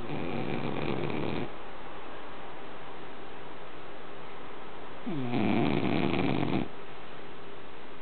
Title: snoring dog